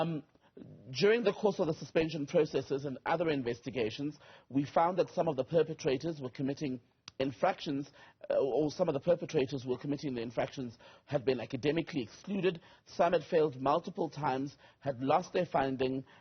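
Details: Adult male speaker; Normal speech.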